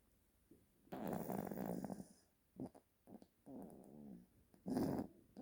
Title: Cute Baby Snoring Loudly | 귀여운 아기 크게 코고는 소리